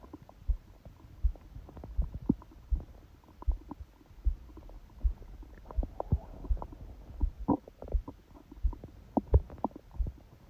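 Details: Bowel sounds recorded by a phone held on the abdomen under a book during sleep: frequent irregular gurgles and clicks with low thuds; ordinary stomach growling.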